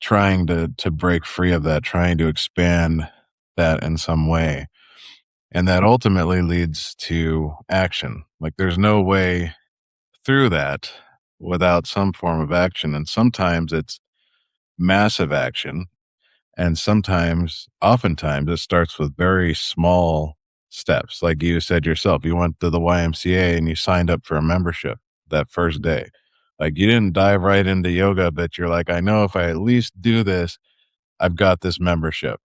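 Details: Adult male speaker; normal speech.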